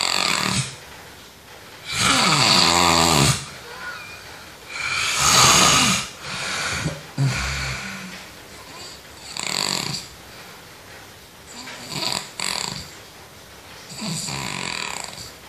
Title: Suara tidur versi ngorok